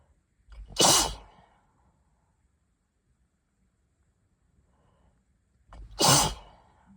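Two sneezes about five seconds apart, each a quick inward breath then a loud explosive hiss, in a quiet room.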